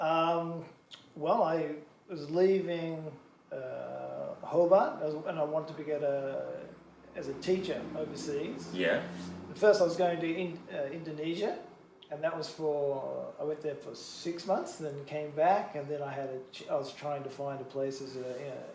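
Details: Expressive aphasia affecting both English and Japanese in a bilingual adult man, from a stroke during heart surgery four years earlier, with word-finding difficulty, circumlocution and cognitive fatigue; he reports gradual improvement.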